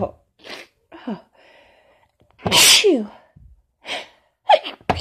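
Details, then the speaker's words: Several forceful, strong sneezes in quick succession with sharp intake breaths between them, from a woman on day 4 of a cold combined with fall allergies, with a tickly, stopped-up nose; a sneezing fit. "Oh, fucking sneezing fits. Oh God. Now it's teasing. Teasing tickle. Stopped up. Oh, the tickle. Oh. These are so strong."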